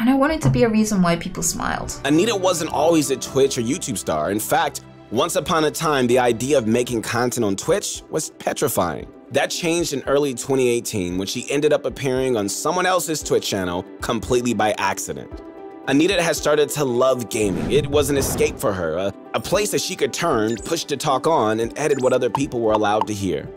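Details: Adult male narrator; no speech disorder.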